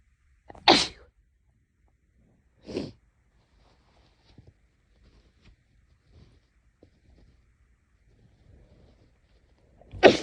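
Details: Nose bothering the person recently, cause unknown, with sneezes bigger and louder than usual: three loud, forceful sneezes a few seconds apart in a quiet room.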